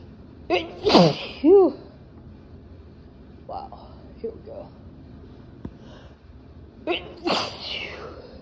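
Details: Person intoxicated after drinking vanilla Crown Royal whisky: two forceful sneezes several seconds apart, each with a sharp intake before it, and brief voiced sounds between them in a quiet room; sneezing.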